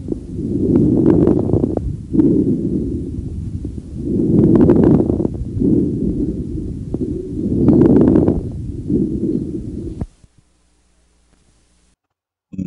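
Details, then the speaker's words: Late (end-) inspiratory fine crackles by stethoscope on the chest during deep open-mouth breathing: three slow breath cycles with brief clicking crackles near the end of each inspiration; seen in pneumonia, congestive heart failure, atelectasis. "τέλος πνευ κοί τρίζοντες μπορεί να ακούγονται σε πνευμονία σε συμφορητική καρδιακή ανεπάρκεια σε ατελεκτασία"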